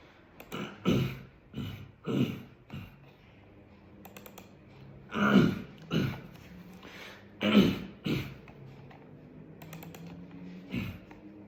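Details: Throat-clearing vocal tic in a person with Tourette syndrome, mistaken by others for Covid: repeated short guttural throat-clearing bursts in irregular clusters.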